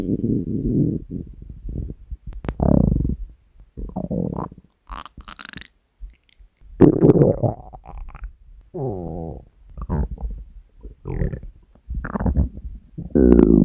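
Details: Hunger stomach growling recorded from the person's own belly: long low gurgling, rumbling and squeaking growls with short pauses; normal borborygmi.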